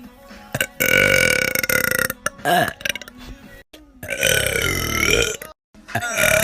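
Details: A girl's long, loud, drawn-out, forceful voiced burps with faint background music; burping.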